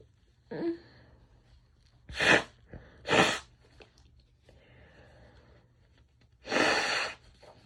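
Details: Female: three sharp, explosive sneezes with a short breath drawn in before them, in a quiet room.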